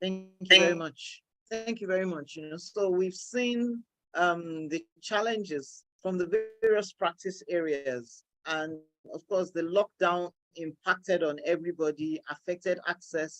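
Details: Adult speaker; Normal voice.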